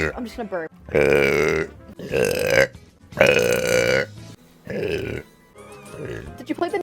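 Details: Repeated burping from a VTuber streamer: several long, loud, voiced belches in a row, with faint music in the background.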